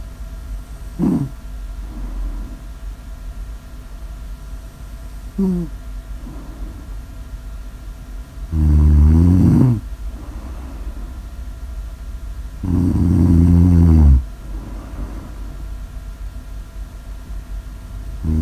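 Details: Snore audio ASMR recording: four deep, rattling inspiratory snores, irregularly spaced, each 1–1.5 seconds, over low room hum.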